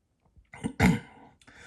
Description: Yep... I accidentally sneezed on the donut. Per me... I barely sneezed on it but it was enough to gross out my brother.